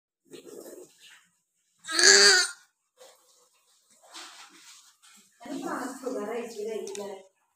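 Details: Newborn's first cry soon after birth: short, high-pitched cries in bursts separated by pauses and room sounds; newborn cry.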